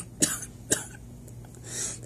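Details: Two brief, light coughs, acted rather than real, in a comedy skit about having to cough during a test.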